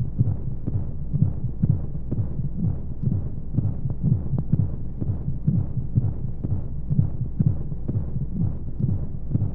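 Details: Womb sound played as a baby sleep aid: steady, muffled low double thumps about 125 a minute with regular rhythm under a soft rushing hum of white noise and flowing sounds; heartbeat.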